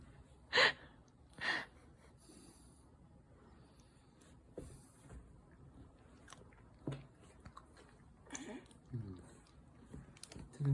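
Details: A 5-month-old baby sneezing while sitting: two quick, sharp sneezes, then soft breathing and small mouth sounds in a quiet room.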